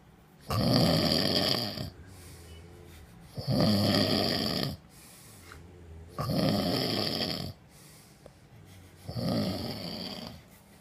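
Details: Heavy snoring after a hard night out, recorded on an iPhone: four loud, rough, rattling inspiratory snores with softer breaths between, about 21 breaths a minute.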